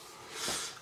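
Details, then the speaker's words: Dog snoring beside owner, a rough airy snort-like breath rising and fading, while the dog sleeps. "Ah, vous allez écouter le chien ronfler à la vidéo, ça va être formidable."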